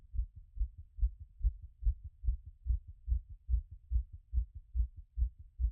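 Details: Own heart auscultated after a workout; rate peaked around 180 and was settling: strong, regular heartbeat at about 140 beats a minute.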